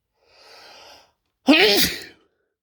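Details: A soft breathy in-breath after an attempt to say "I'm gonna sneeze," then one loud sudden burst of air and voice: a single sneeze.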